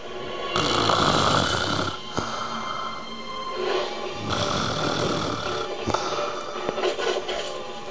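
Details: Snoring: loud, rough, rattling breathing in long stretches, partly masked by music or television in the background.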